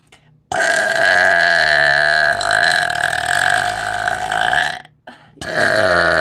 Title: Burp Compilation from LIVE #burping